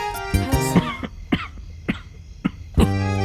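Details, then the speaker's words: In a cough-syrup TV commercial, an adult acts out a run of sharp, repeated coughs over background music: a staged coughing fit. "खांसी जो कभी न रुके, जो पूरे परिवार को परेशान करे, जो सबको हिला दे।"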